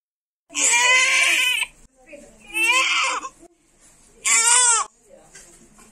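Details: Newborn crying immediately after birth: three strong, high-pitched wails with short gasping breaths between; vigorous newborn cry.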